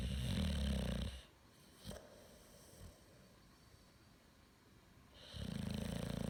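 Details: Snoring: two loud, rough snoring breaths separated by a quiet pause of about four seconds.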